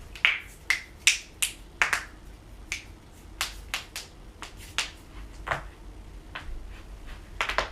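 About fifteen sharp, dry pops at irregular intervals, typical of joints cracking, a usually harmless sound.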